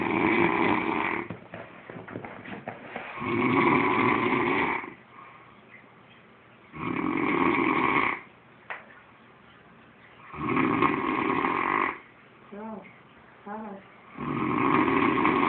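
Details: Loud, harsh, horse-like rattling snores on each in-breath, about four in fifteen seconds, with quieter whistling breaths between; heavy snoring during sleep.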